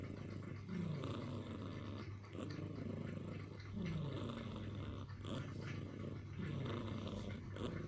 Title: Funny cat snoring and angry. Kucing lucu ngorok dan marah